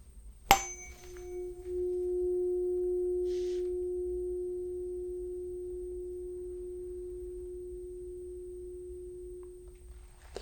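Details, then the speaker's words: Tuning fork struck and held in front of the ear for air conduction during a roleplay Rinne test of cranial nerve VIII: a clear, steady pure tone that slowly fades. "at that point you should be able to hear it via air conductor which is typically stronger than bone conduction"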